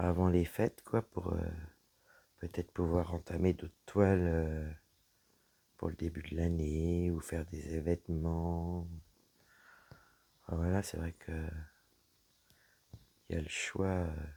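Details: Woman with dysphonia after a serious health problem damaged her vocal cords; her voice is lower than before, at times weak, and she cannot speak loudly; low-pitched, creaky voice.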